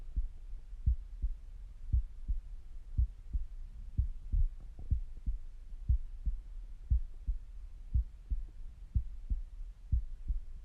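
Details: Resting heartbeat through a stethoscope: regular low thumps at about 60 a minute with faint gurgling stomach noises; normal resting heart sounds.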